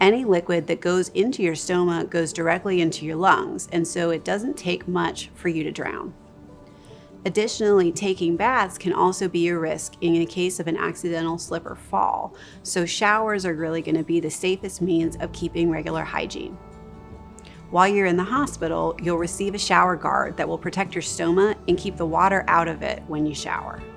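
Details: Adult speaker; typical speech.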